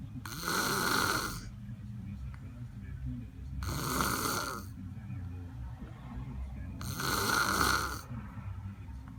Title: Snoring with the sunnies on!